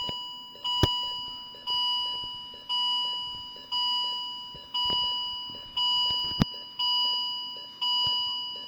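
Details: M3046A Viridia M3 bedside patient monitor in demo mode with simulated data, sounding a repeating electronic alarm tone about one chime per second; alarm test.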